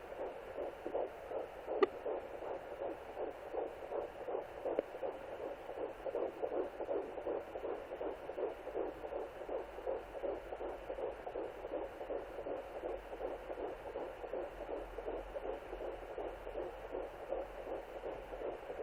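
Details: Fetal heartbeat at 11 weeks 0 days of pregnancy on a Sonoline B pocket fetal Doppler: fast, rhythmic whooshing pulses, roughly 160 beats per minute.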